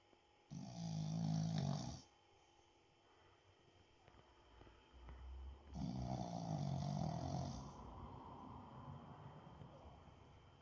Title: Adorable Boston Terrier Snores Loudly While Sleeping! #doglife #dogvideos #funnydogs